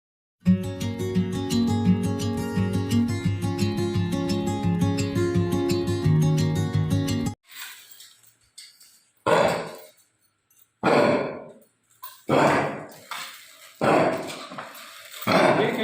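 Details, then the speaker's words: Characteristic honking dry cough of kennel cough in an Indian Spitz dog. "जैसा कि आपने video में देखा कि हमने एक इंडियन स्पिट्स डॉग में कैनल कफ के साउंड्स प्रॉपर जो उसमें इंडिकेशन दिखाई दे रहा है जो उसके कैरेक्टरिस्टिक साउंड होता है कैनल कप का वो हमने आपको वीडियो में दिखाने की कोशिश की है"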